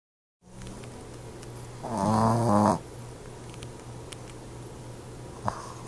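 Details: Snoring in harmony: one loud, buzzing snore lasting under a second over a steady low room hum.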